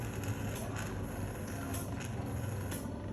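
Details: Steady low motor rumble and hum with faint hissing bursts of a suction machine during an airway suctioning procedure demonstrated for an adult patient, clearing secretions by nose then mouth.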